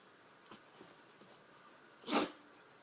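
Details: Happy male animal, tail tapping on carpet, rolling on his back: a faint puff then one sharp, hissy sneeze in a quiet room; single sneeze.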